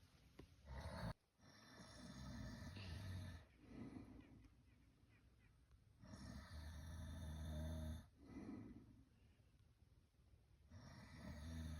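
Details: Very loud snoring: deep, rumbling snores recurring about every four seconds, with quieter breaths between.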